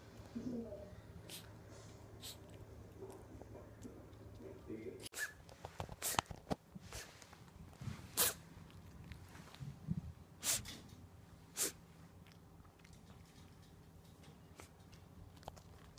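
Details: Cat coughing, a bout lasting weeks before recovery: short, sharp, sneeze-like bursts, which resemble sneezes but are a cat's cough, over a low household hum.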